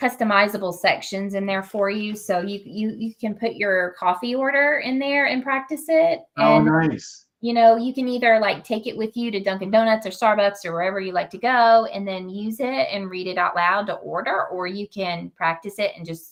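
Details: Adult woman speaking; typical speech.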